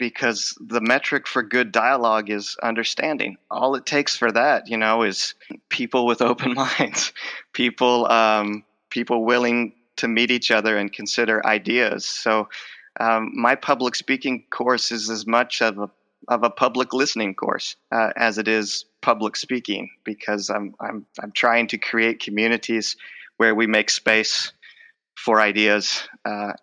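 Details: Adult male speech professor with lifelong stuttering involving blocks, repetitions and covert stuttering; the stutter is emerging during the conversation; finding: stuttering.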